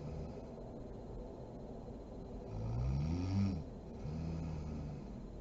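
Low, rough rattling snores on the in-breath against steady room hiss; ordinary snoring during sleep.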